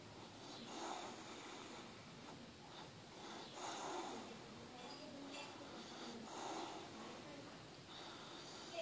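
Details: Sleeping Staffordshire terrier snoring, recorded up close from the front: soft, fluttering snoring breaths about 20 a minute, with faint room noise.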